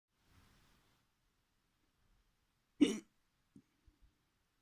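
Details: Person experimenting with their hiccups: a single sharp, abrupt voiced gulp followed by a few faint clicks in a quiet room; a hiccup.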